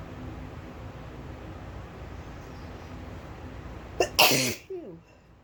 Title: Sneezefest!!!